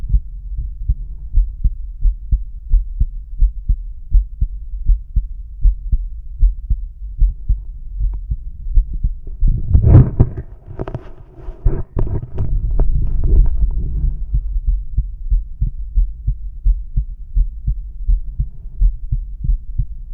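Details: Male heart auscultated with a stethoscope diaphragm: steady, regular low thumps with normal beats, briefly masked midway by stethoscope rubbing noise; normal heart sounds.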